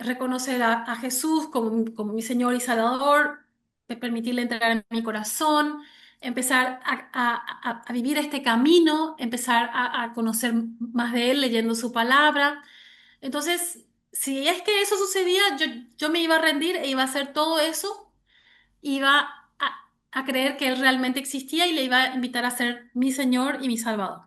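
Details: Stuttering in an adult Spanish-speaking woman since age 6, starting when her parents divorced; severe in childhood, now mild and cyclical with about 80% fluency, mainly blocks; word repetitions in this clip.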